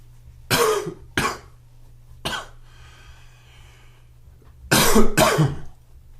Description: A little morning cough and one sneeze thrown in for good measure...please comment, like, share and enjoy.